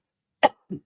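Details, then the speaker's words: Adult woman recovering from flu, voice croaky: a single sharp cough followed by a softer, lower second burst. "me, sorry. I'm just recovering from the flu. I was not sure if I could get on to this morning, but I'm all good now. So I sound a bit croaky."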